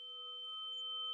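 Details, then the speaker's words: Simulated tinnitus sound: a steady, unchanging high-pitched ringing tone, like the annoying buzzing heard in the ears. "Ce que vous venez d'entendre, vous l'avez deviné, c'est des acouphènes, des petits bourdonnements très énervants qu'on entend dans nos oreilles."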